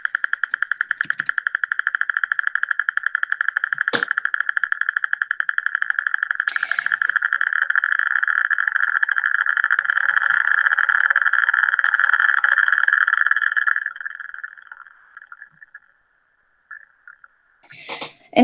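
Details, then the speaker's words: Needle EMG demonstration video of normal voluntary activity: rapid regular crackling pops thicken into a dense roar as contraction effort builds, showing normal motor unit recruitment. "básicamente lo que no refleja el patrón de reclutamiento es el número de unidades motoras que están intactas y que están disponibles para disparar"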